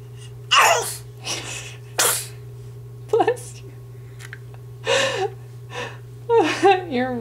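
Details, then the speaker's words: Infant sneezes: a few small sharp bursts with an adult voice between them over a steady hum; sneezing. "there goes your sister sneezing and yelling I love that you taught her how to do that"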